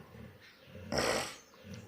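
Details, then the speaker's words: Loud rasping snore with low rumbling breaths from Bruno, a pet dog sleeping deeply at about 3–3:30 pm in daytime; he does not wake even when tapped; snoring. "ഇത് നമ്മുടെ Bruno ആണ് കേട്ടോ Bruno കൂർക്കം വലിച്ച് കിടക്കുന്നത് അതും പട്ട പകൽ സമയം"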